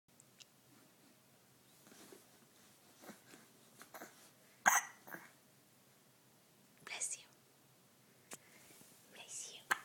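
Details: Baby girl's hiccups, recorded December 2010: several brief, sharp catching sounds spaced irregularly in a quiet room; infant hiccups.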